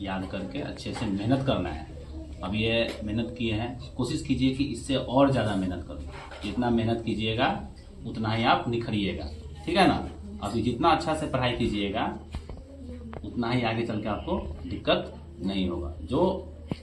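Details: Adult man speaking Hindi; normal speech.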